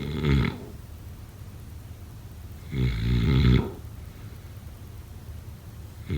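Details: Loud, rough, rattling breaths recurring every few seconds, about 20 a minute, during sleep: snoring.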